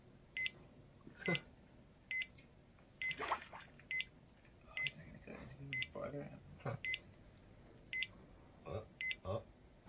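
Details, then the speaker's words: Heart rate monitor beeping with each beat of a man, about 70 a minute, slowing dramatically as he submerges his face in cold water; diving reflex demonstration, with talk over it. "Listen to that beeping. That's his heart rate. He's going to submerge his face in cold water."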